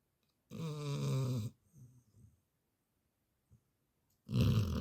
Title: Daytime snoring 😴🐶💛 #labrador #funny #dog